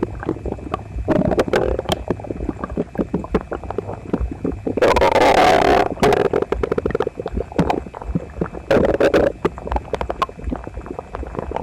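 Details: Loud, frequent gurgling and rumbling with clicking bursts and longer growls, phone pressed to a male's belly while gaming after toast, eggs and milk; visibly uncomfortable, stomach upset the previous night; very active bowel sounds (borborygmi).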